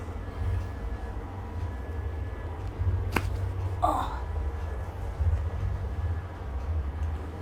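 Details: Patient with right-sided neck pain for about eight months, much worse for the last 10–15 days, with limited rotation both ways. A single sharp crack over room hum: joint cavitation during a chiropractic neck manipulation.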